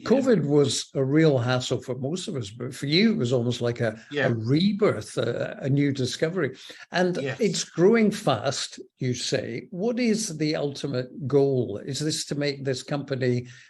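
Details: Adult male speaker; normal speech.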